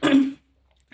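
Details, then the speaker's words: First-time mother, 14 weeks pregnant, on bed rest after bleeding, coughing from the cold in Australia; a single short, voiced cough burst, then silence. "me Inuubo ako kasi sobrang lamig dito sa Australia yan share ko lang sa inyo"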